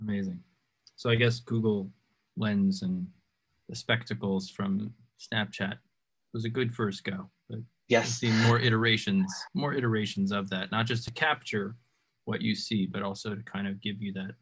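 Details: Adult male speaker; normal conversational speech.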